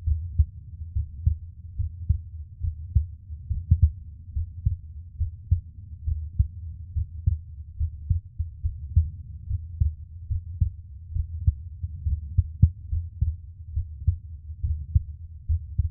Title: [ASMR] Relax To My Heartbeat For Sleep ❤️ 😴